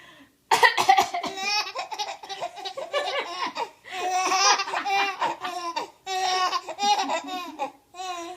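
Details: A mother coughing, described as a funny cough; cough.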